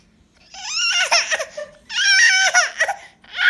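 A baby cries in two long, high-pitched wails with brief catches and sobbing breaths between, in a small quiet room; an ordinary infant cry.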